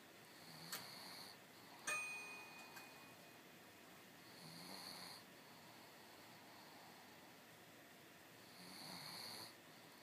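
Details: Pug snoring while trying to sleep: soft, faint snores about every four seconds in a quiet room, with chiming tones in the background.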